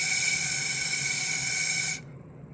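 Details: Correct /s/ elicited with the straw technique for interdental or lateral lisp: teeth together, smiling, straw held against the front incisors, giving a high-frequency sound out of the straw.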